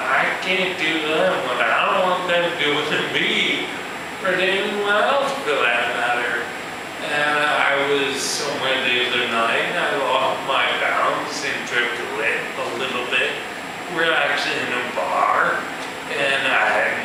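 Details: Male musician with ataxia, a progressive neurological disorder in which cerebellar cells die, affecting his balance and speech; real ataxic dysarthria.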